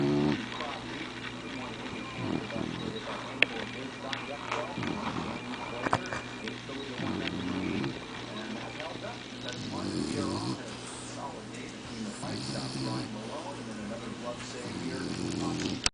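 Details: Snoring from a resting dog with his eyes open: rhythmic low, rumbling snores at about 24 breaths a minute.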